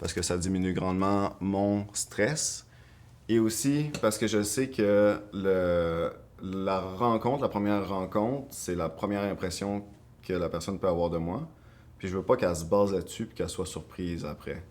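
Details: Adult woman who stutters, speaking French; she finds her own first name the hardest word to say and says talking with a stutter takes a lot of energy; stuttering.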